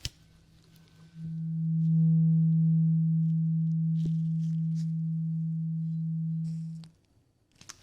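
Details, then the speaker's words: Simulated cranial nerve exam roleplay, patient's eyes closed before removal of something from the ear: steady low pure tone for about six seconds, then stops, an acted hearing test. "And I want you to tell me if you can hear this sound. Did you hear that sound? Okay, keep your eyes closed."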